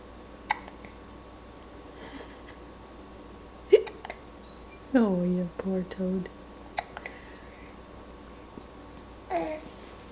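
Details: Hiccups: several short, abrupt, sharp hiccup sounds, some with a brief voiced squeak, in a quiet room with faint background voices.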